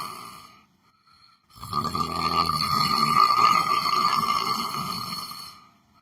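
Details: Person sleeping while sitting in a chair, snoring: a long, loud, rattling snore on breathing in, with a short quiet pause before it.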